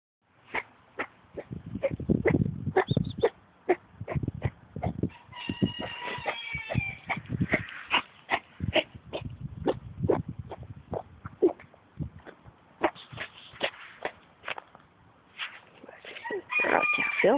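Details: Female dog recovering from a spay, with kennel cough in full swing; runs of sharp, harsh, honking coughs with snorting breaths.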